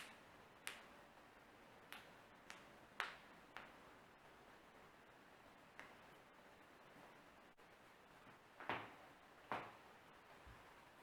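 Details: Self-performed morning joint cracking of the neck and finger knuckles: about nine sharp, irregular cracks and pops over a quiet background.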